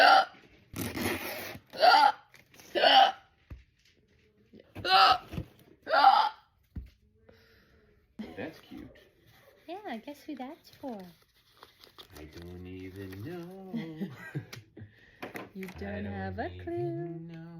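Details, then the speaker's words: Painful hiccups while trying to scare them away: about six sharp, abrupt gasping hiccups roughly a second apart, followed by voiced talking and laughter. "Trying to scare my hiccups away. Sometimes they get camera shy."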